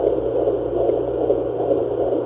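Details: Fast, rhythmic whooshing pulses over a steady hiss, roughly 150 a minute: fetal heartbeat on a Sonoline B home fetal Doppler in a plus-size pregnancy, relocated after the mother's slower heartbeat.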